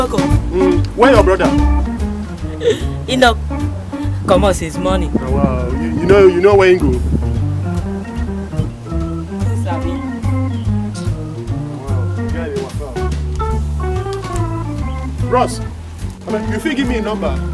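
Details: Adult man, acted comedy skit; normal speech.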